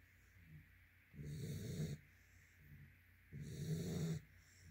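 Two slow, rough, rattling breaths in a quiet room, about one every two seconds; snoring in a sleeping dog.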